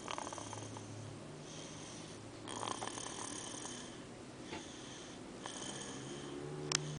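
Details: Soft, quiet snoring from a sleeping pet, with faint rhythmic breaths about three seconds apart over low room noise.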